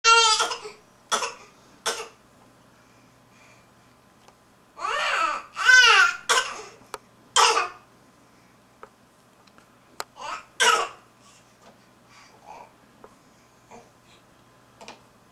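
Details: Infant gives a series of short, partly voiced coughs, made on purpose to communicate.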